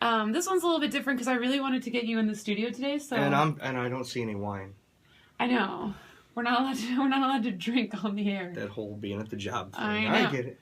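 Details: Adult woman; normal voice.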